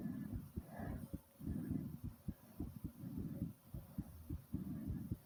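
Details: Fast heartbeat and heavy breathing after doing squats to near exhaustion: rapid, regular heart thumps at roughly 100 a minute under loud, quick breathing; fast heartbeat after exercise.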